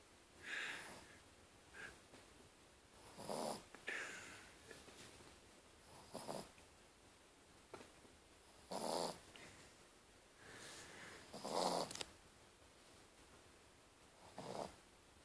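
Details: Soft, irregular snorting breaths, about 20 a minute, from a sleeping pet dog in a quiet room; normal dog snoring.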